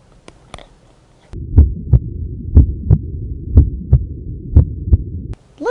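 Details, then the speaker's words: Stethoscope auscultation of the heart: regular paired lub-dub beats at about 60 a minute; normal S1 (AV valve closure) and S2 (semilunar valve closure). "S1 and S2 or the typical ldb that we talk about in the heart S1 indicates the closing of the a V valve whereas S2 is the closing of the semi lunar valves"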